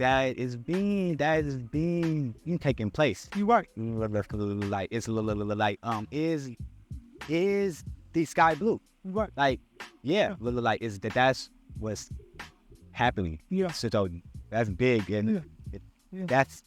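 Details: Adult male podcast co-host who stutters, describing a speech impediment he still struggles with; stuttering.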